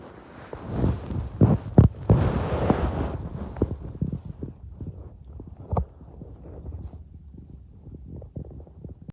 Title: I’m starving listening to my stomach growls